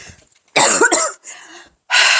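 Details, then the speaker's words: An adult makes a short, harsh throat clearing and cough, then breathes out, while testing a new pulse oximeter that reads 93% oxygen saturation and a heart rate of 92; ordinary throat clearing. "Some deep breaths, clearing my throat. Does that make any difference at all?"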